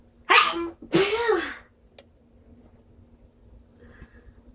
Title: strong sneezes with buildups